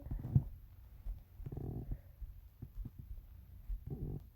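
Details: Low bubbling gurgles and two longer rumbling bursts from a dog's belly, with quiet room noise between them: stomach growling (borborygmi).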